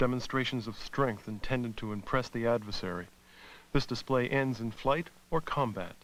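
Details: Adult male narrator; normal speech.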